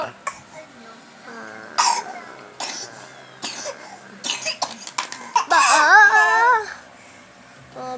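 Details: A laughing infant's squeals and gasps break into several short coughs during hard laughter; cough.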